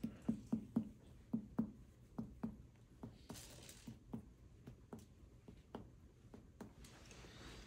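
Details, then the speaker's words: Abdominal exam teaching demo: sharp finger percussion in a quick series at the left sixth intercostal space, one rib space below the point of maximal impulse, some taps with a hollow drum-like ring over the gastric bubble; tympany over Traube's space. "if I go down one rib space, the 6th intercostal space, I should be close to the gastric bubble right here."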